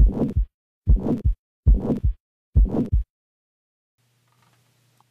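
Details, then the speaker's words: Teaching-lecture example of a harsh heart murmur, with high and low pitches produced together: four loud, rough heart sounds in a row, each carrying a grating murmur. "here is a low pitched one finally here is a murmur that many clinicians would describe as [Music]"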